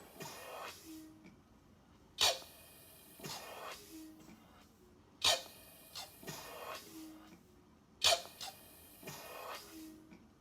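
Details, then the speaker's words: Eurus emergency ventilator, a low-cost blood-pressure-cuff-actuated manual resuscitator for COVID-19 shortages, in timed (not pressure-control) mode: about 20 cycles a minute of sharp hiss then pump and inflation, asynchronous with patient breaths at 5 cmH2O. "okay so this is on timing great as opposed to pressure control and you can see that it's asynchronous"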